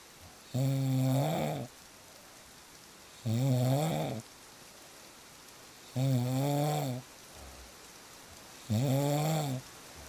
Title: • Fall Asleep Fast With Real Snoring Sounds